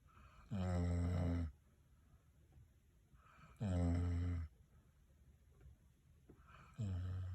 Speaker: When your dog snores more than your husband